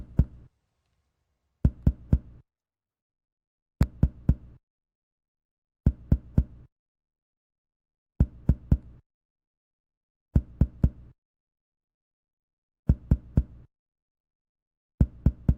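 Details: Percussion note, posterior thorax (resonance).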